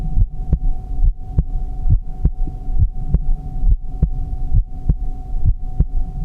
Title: Heartbeat sound | relaxing 💜